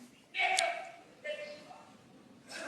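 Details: Real, unacted vocal tic shouted from an audience during an awards ceremony presentation by an adult man with Tourette syndrome; coprolalia (slur and swear words) in Tourette syndrome.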